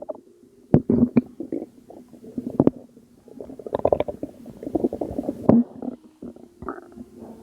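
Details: Abdominal gurgling from a postpartum mother's belly, recorded at 2 am; she links it to water weight: irregular bubbling, gurgling rumbles with sharper pops, like fluid moving through the gut.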